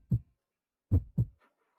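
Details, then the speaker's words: Simulated fetal heartbeat in a Hindi drama scene at an early-pregnancy exam: soft low thumps, a single beat then a close pair, played as a baby's strong heartbeat on a monitor. "क्या ये बच्चे के दिल की धड़कन हां सुनिए इसके दिल की धड़कन कितनी मजबूत है।"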